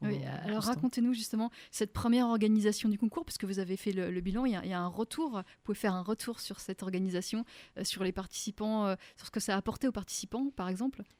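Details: Adult radio host speaking French; typical speech.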